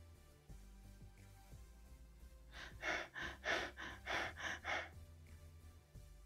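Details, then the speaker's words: Quiz case of an unconscious patient with brain injury after a brick fell on his unhelmeted head, a non-smoker with no prior illness: Biot's breathing, a quiet apneic pause, a short cluster of about seven quick breaths, then another pause. "indeed the patient is displaying bios breathing pattern as you can see there is a period of apnea followed by rapid breathing"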